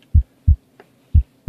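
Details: Normal heart sounds heard at the aortic area (second intercostal space, right parasternal) during a basic heart exam: crisp, regular lub-dub with no added sounds.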